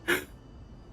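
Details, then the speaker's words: A single short, sharp hiccup from someone suffering persistent repeated hiccups, followed by quiet room noise. "Can you guys hear my hiccups? Cuz I'm [ __ ] These hiccups won't go away. Yeah, I've been like hiccup hiccuping like five times."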